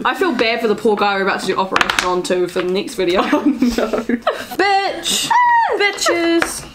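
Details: Real Tourette syndrome with repeated swearing and 'ugly' vocal tics; finding: vocal tics (coprolalia).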